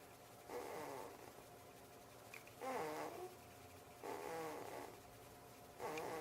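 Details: 3-week-old male infant asleep, quiet snoring with soft regular voiced moans and noisy breaths about every 1.5 seconds; very faint, low-volume recording.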